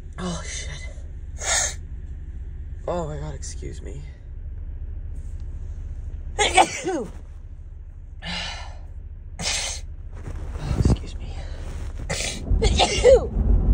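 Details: Woman with a cold or allergies sneezing repeatedly: several separate sneezes with sharp inward gasps before some, over low room rumble.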